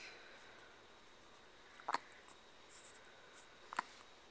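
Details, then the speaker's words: Three-week-old infant who has just eaten gives two short, sharp hiccups about two seconds apart in a quiet room: infant hiccups. "oh got the ha cups oh they s juicy what are you doing you doing just chilling you just just atat a little bit ago huh just ate yeah you got the hiccups"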